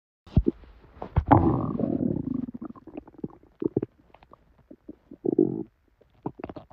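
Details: Person's belly after drinking probably expired milk, with very bad diarrhea: loud, prolonged gurgling and rumbling with bursts of squelching bubbles; very active bowel sounds, borborygmi.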